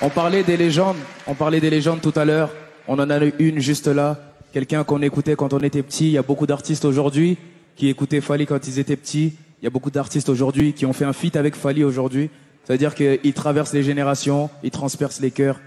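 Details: Adult male speaker; normal voice.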